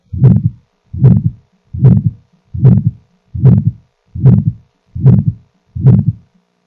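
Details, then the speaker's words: Aortic stenosis in a paediatric teaching recording: regular heartbeat at about 75 a minute with a rough whooshing ejection systolic murmur, a soft first heart sound, and a single second sound without physiological splitting. "Ejection, systolic murmur. We'll see whether there is a click as well, right?"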